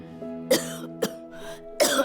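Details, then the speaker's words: Woman with refractory chronic cough, coughing so much it paralyzed a vocal cord, unrelieved by antibiotics: three short, harsh dry coughs in quick succession over soft music; chronic cough. "But I had been coughing so much that I paralyzed a vocal cord, and my voice started to change."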